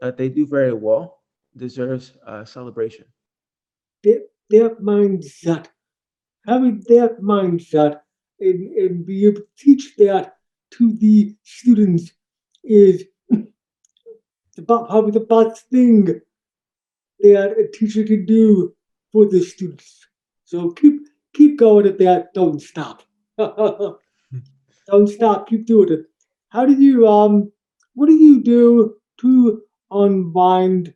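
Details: Adult man born three months premature in 1976, congenital hearing loss found at age two and a half, orally taught to listen and speak, also has ADHD; deaf speech (speech of congenital hearing loss).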